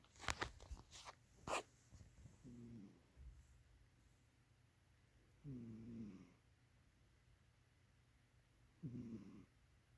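After a few handling noises, three soft, buzzing snores about three seconds apart from a sleeping cat.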